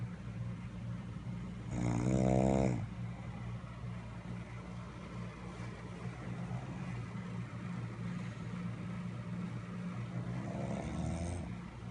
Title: Snoring man